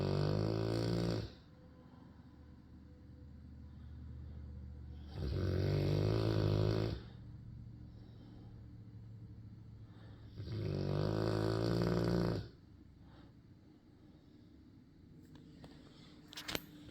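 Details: Sleeping dog snoring: loud, rattling snores, three in about 17 seconds, with quieter breathing between them; ordinary snoring.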